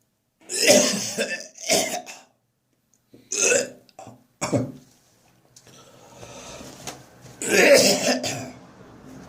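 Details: Adult's harsh, throaty morning coughing with gagging and retching, separated by brief pauses, first thing in the morning after drinking too much beer the night before.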